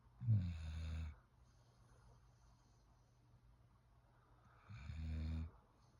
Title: Look mom I can sit up and sleep and snore loud too #shorts #shortsfeed #shortvideo #englishbulldog